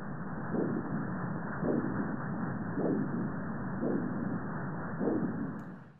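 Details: Self-scanned carotid artery with a portable wireless handheld ultrasound (Dr. Sono Tri-Scan Max) in Doppler mode: rhythmic whooshing pulses, about 54 a minute, over steady hiss. A normal pulsatile carotid Doppler flow signal.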